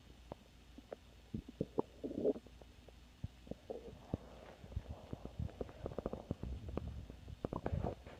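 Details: Stomach growling: irregular low gurgling rumbles and bubbling pops from the abdomen as gas and fluid move through the gut; borborygmi.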